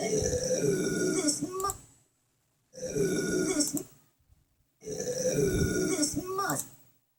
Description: An littles animals burping